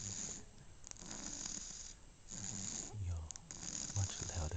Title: 15 Weeks - Max Snoring in Melbourne